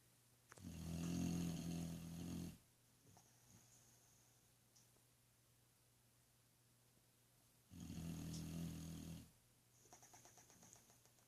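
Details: Two deep, rumbling snores on the in-breaths, about seven seconds apart, with soft breathing between; snoring during sleep in a quiet room.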